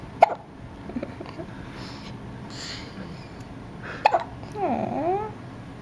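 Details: Hiccups in a little boy being comforted by a parent.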